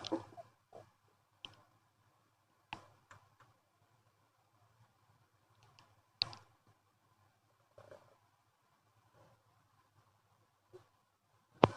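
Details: Active bowel sounds (borborygmi) from a person's stomach after eating a chicken nugget wrap and milk tea: scattered clicks and short gurgles, about 11 a minute, over a quiet low hum.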